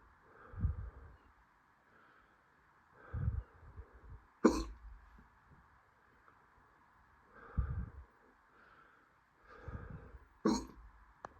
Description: Felt like hiccups were coming all day, I swallowed some air and eventually they started up!